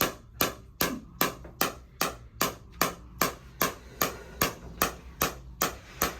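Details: Near the end of chiropractic shockwave therapy, second session, on a runner's left SI joint, hip and low back, with history of sciatic nerve damage, a final 120 pulses: sharp regular mechanical clacks, about 150 a minute; shockwave device pulses.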